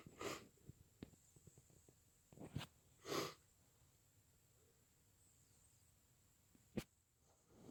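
Two muffled, wet sneezes with sniffing between them, in a quiet room; congested sneezing with a cold.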